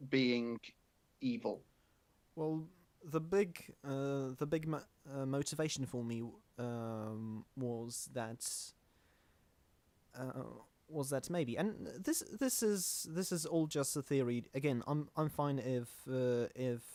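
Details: Stuttering in a male podcast host who calls himself the stammering host; his co-hosts do not stammer.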